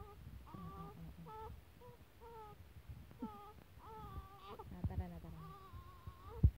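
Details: Infant crying: short, rising-and-falling wavering cries and whimpers, fairly quiet, with some room noise underneath.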